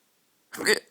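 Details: In the middle of the night, after silence, a single short voiced burst, a hiccup-like catch of breath in a quiet room; hiccup.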